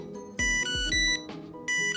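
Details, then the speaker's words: Tandem t:slim X2 insulin pump alarm: repeated bright electronic tones because the pump ran out of insulin, heard before a site change at the hip. "y'all hear that annoying beeping yeah it's my pump being disrespectful because it ran out of insulin"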